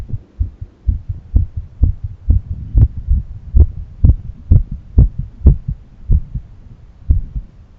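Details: Self-recorded heart auscultation through a stethoscope at different valve areas: rapid, steady lub-dub heartbeats at roughly 125 a minute, with a faint low hum between; heart sounds.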